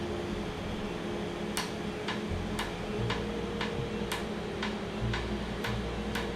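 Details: Laser tattoo removal session on skin numbed beforehand, with cooling air applied; the treated area was slightly raised and swollen afterwards: sharp evenly spaced clicks about two per second over room hum; laser tattoo removal device firing.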